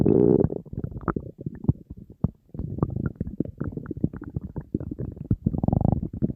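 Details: Hunger borborygmi from an empty stomach of a dieting person surrounded by food: continuous gurgling, rumbling stomach noises with bubbly pops throughout, normal hunger bowel sounds.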